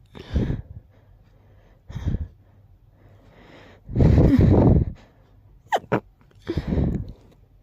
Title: Stifled, rapid sneezing fit